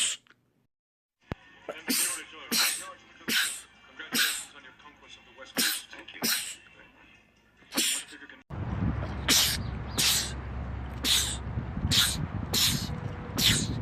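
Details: Male, from a compilation of rapid sneezing attacks in men: about a dozen sharp sneezes at roughly one per second, with room noise and a noisier second part; rapid sneezing.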